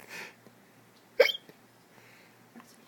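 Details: A father's hiccups while a child laughs at them: a single sharp hiccup with a quick gulping catch of breath; ordinary, harmless hiccups.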